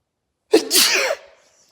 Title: sneeze response 😂